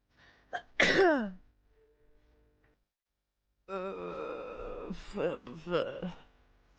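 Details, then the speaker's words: Girl giving a sharp, aggressive, explosive sneeze with a short inhaled lead-in, followed after a pause by vocal sounds; allergies/sinuses noted. "Oh my god! That is some aggressive sneezing."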